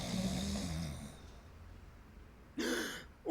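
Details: Acted snoring in a TV drama scene: a man's rough, rattling snore fades into quiet breathing, then a short noisy breath follows.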